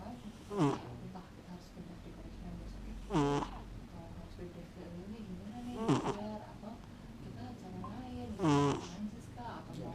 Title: Sleeping (snoring) Momo :(